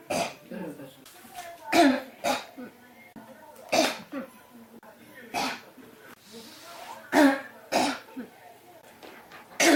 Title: 咳が止まらない 40 cough